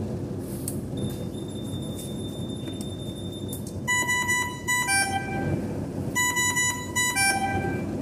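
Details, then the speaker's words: Dräger Savina 300 ventilator after switching on: repeated high electronic beeps in short bursts over background music, the standby alert tone as it enters standby mode. "saya akan bunyi standby seperti ini"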